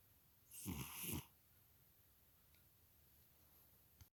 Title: snoring cat